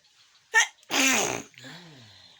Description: Nose sneezing//